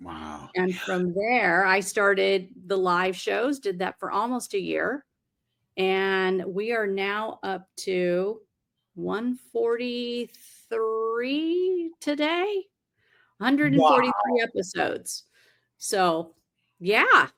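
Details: Adult speaker; normal speech.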